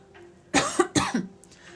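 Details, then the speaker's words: Cough: two quick, harsh cough bursts close together from an adult with a long-lasting cough, during a livestream. "Oh, Alex, I've had this cough forever."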